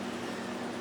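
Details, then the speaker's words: Laser hair removal machine running during an actual treatment in a clinic; steady loud mechanical hum and whir behind speech. "you hear a loud noise behind me that's actually the laser so i'll try to make sure i'm speaking clearly enough for you to understand me especially with the masks as we continue our safety protocols for covin"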